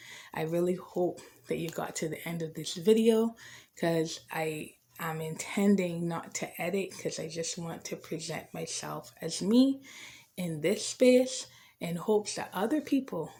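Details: Adult woman with a debilitating stutter since age five, beginning after a traumatic family change, with stretched words, blocks, hesitations and repetitions; she also has dyslexia and a lisp, and had speech therapy around age 19–20; stuttering.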